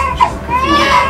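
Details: A brief, high, strained wail from a newborn boy just after delivery following induced labor, the parents' first baby, with room noise behind it; a normal newborn cry.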